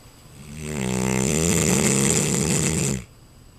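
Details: Neapolitan Mastiff, a little over a year old, snoring very loudly while asleep: a loud, deep, rattling snore swelling over about two seconds on one long breath.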